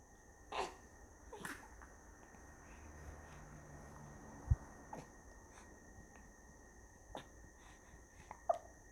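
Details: A baby boy is annoyed by hiccups: brief, sharp little catches repeating every second or two.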